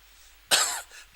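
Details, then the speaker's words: Adult man with a lingering cough he can't get rid of: a single harsh cough burst followed by a faint, softer trailing sound in a quiet room. "Oh, excuse me. Still got the cough. Can't get rid of it."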